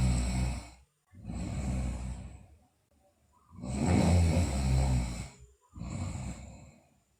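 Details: Snoring in a sleeping girl (the recording also features teeth grinding and delirious sleep talk): three loud, low, rattling breath sounds with pauses between them.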